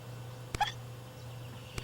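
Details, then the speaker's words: Rescued baby bat, fallen from its nest, with hiccups after drinking water: two abrupt tiny clicks with a brief squeak between them over a background hum. "got the hiccups the bat has the hiccups okay hope the ASPCA isn't watching I gave a baby b the hiccups I really did not mean to do that"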